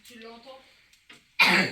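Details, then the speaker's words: Sick young boy, unwell and off school for days: a brief voiced sound, a small catch, then one loud, harsh cough. "ah ça y est ça y est ça y est ça y est il se met tousser tu"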